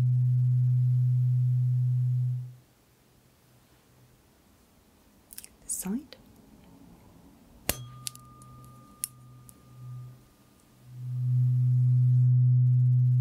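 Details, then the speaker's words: Role-played ASMR hearing test comparing lowest- and highest-frequency tuning forks in each ear, lowest first: steady low tone fades, a soft strike and handling noise, then the tone returns. "Forks just play you the lowest frequency and the highest frequency and I'd like you to tell me if you hear a difference in how strongly they come through to those ears"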